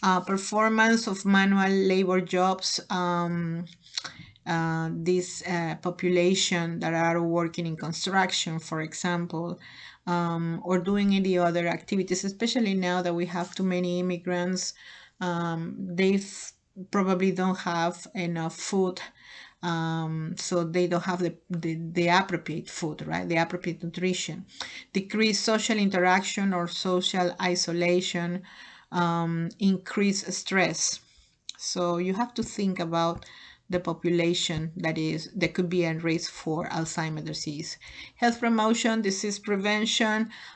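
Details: Adult speaker; normal speech.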